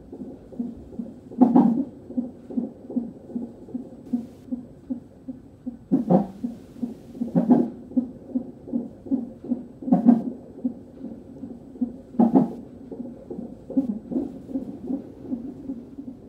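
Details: Rapid, regular whooshing pulses from a Doppler monitor with occasional louder bumps during a fetal non-stress test; fetal heart tones on Doppler.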